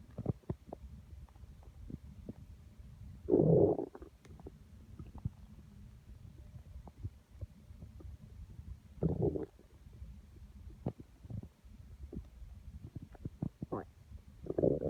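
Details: Own stomach growling, felt by hand on the belly: low gurgling rumbles recurring every few seconds over a faint hum; constant active bowel sounds.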